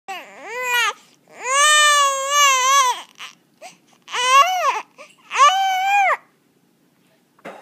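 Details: Infant crying: loud, high, rising-and-falling cry in four long wails with short gasping breaths between.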